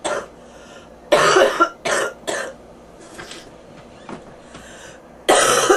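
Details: Person with bronchitis and a fever, ears popping: five harsh, chesty coughs in short bursts and clusters.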